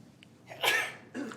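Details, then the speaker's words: Adult gives a sharp, forceful sneeze after a brief indrawn breath, a second starting as it ends, during a live remote roll call at a board meeting; sneeze. "SUPERVISOR SERNA. [SNEEZE] [SNEEZE] >> BLESS YOU."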